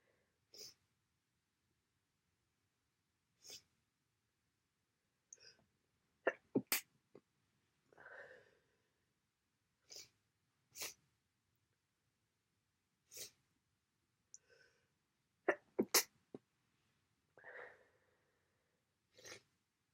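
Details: Repeated sharp sneezes in an irregular series, some in quick bursts, with wet sniffing between them; sneezing in a person with an ongoing cold and heavy nasal congestion.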